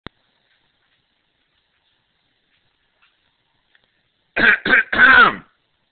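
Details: Adult clearing his throat in three short, rough bursts after a quiet stretch; a dog and a child respond to the sound.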